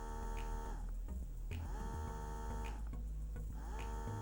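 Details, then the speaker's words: Unimom Minuet double electric breast pump on strong suction levels 8–9, mimicking a baby's suck-suck-swallow pattern: motor whine rising and falling in repeating cycles, roughly one per second. "so eight and nine really try to mimic a baby's breastfeeding a little bit better this one goes one two three you guys hear that right so it's like suck suck swallow suck suck swallow that's what the pump is actually trying to mimic"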